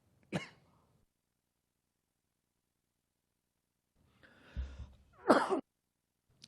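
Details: Adult man coughing during a live press conference, a few harsh abrupt coughs with noisy throat clearing; he says he had eaten an almond just before speaking. Coughing fit.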